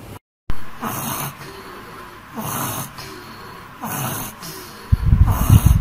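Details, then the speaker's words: Child with breathing difficulty not relieved by allopathic medicines, starting with coughing, must sit up, worse at night and in a warm room, desires cold drinks: noisy, rough, snoring-like laboured breaths every 1.5 seconds with harsh rattling. "this is a case of it's like breathing difficulty uh taking allopathic medicines and not relief usually starts with coughing must sit up during the cough aggravation at night"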